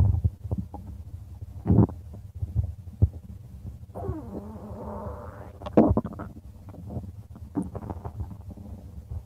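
Low gurgling and rumbling with a drawn-out squeaky groan midway; ordinary stomach growling.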